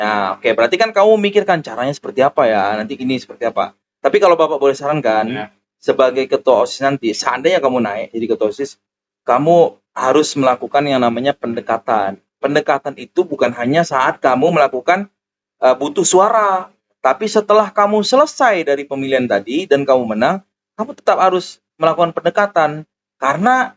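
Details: Adult male speaker; normal speech.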